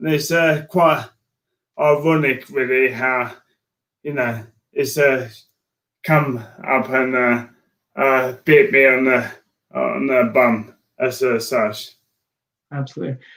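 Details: Adult man with motor neurone disease diagnosed in January 2018; speech changes were an early sign of the disease; dysarthria.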